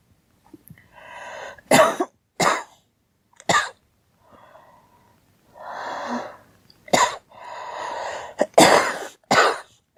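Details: Girl coughing: about six sharp coughs at uneven intervals, with audible breaths drawn in between them.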